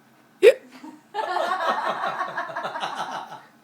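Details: One sharp, sudden hiccup followed by giggling from a woman drinking wine: hiccups.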